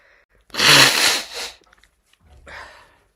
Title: Female Sneezes ans Nose blows